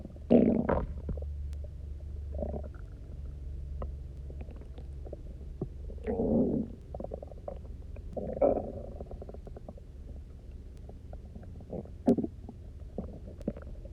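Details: Person who had eaten almost nothing for 24 hours, then drank a lot of water and lay on their side: several loud, resonant gurgles and rumbles with quiet stretches between; hunger borborygmi on an empty stomach, normal.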